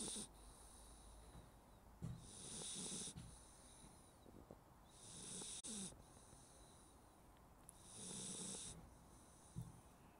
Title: Snoring Labrador Puppy